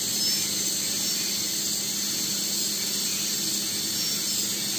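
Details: Continuous shrill, high-pitched whine of a dental drill during access opening of a posterior tooth for live root canal treatment, before canal finding with a DG16 endodontic explorer.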